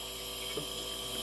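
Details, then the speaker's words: Nebulizer compressor running, steady mechanical hum with constant airy hiss, used to help a woman who cannot cough or blow her nose on command after five strokes produce a productive cough. "Ronnie has a nebulizer, and this nebulizer is used for her to help her to produce a cough."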